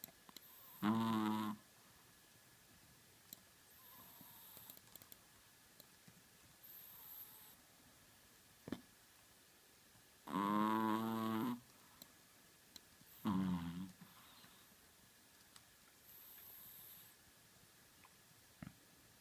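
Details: Sleeping Chihuahua snoring: irregular whistling, squeaky snores, a few loud ones between softer breaths, with keyboard clicks in the background.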